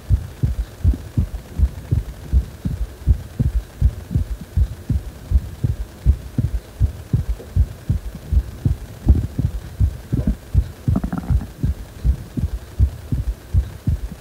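Regular low heartbeat thumps at about 80 beats a minute, with a steady hum underneath.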